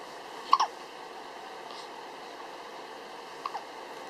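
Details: Two soft, short catches of breath about three seconds apart in a quiet room: hiccups in a 19-day-old newborn baby, with sneezing also noted; a common normal finding in newborns.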